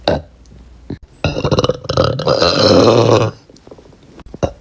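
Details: Compilation of women and girls burping: a short burp, then a long, loud, rumbling belch of about two seconds, then a brief final burp.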